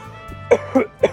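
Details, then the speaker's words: Three short, muffled coughs over background music; deliberate demonstration of coughing into a covered mouth to contain the cough in public during COVID-19. "so if you're going to go in public and you're going to cough here is the right way to cough in public"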